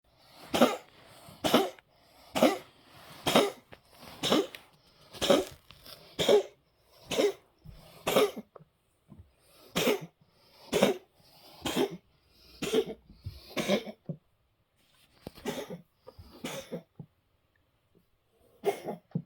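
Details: Cat (Charlie) giving a long run of harsh, repeated hacking coughs while trying to bring up a hairball; hairball retching cough.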